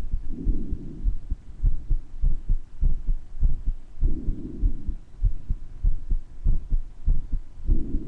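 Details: Self-recorded heart murmur with breath sounds: regular heartbeat about 98 a minute, soft whooshing murmur between beats, breath sounds washing over at intervals, clearer in some areas than others.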